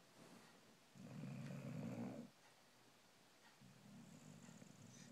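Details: A female puppy snoring while asleep in a dark, quiet room: a soft, low rumbling snore in two breath-length bursts.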